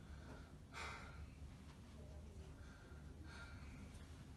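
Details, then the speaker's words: Simulated respiratory exam teaching demonstration: patient seated on bed edge, arms crossed in front, asked to breathe deeply in and out through the mouth during stethoscope auscultation of the back with bell then diaphragm; deep breathing. "please continue to breathe deeply in and out through your mouth while I'm busy"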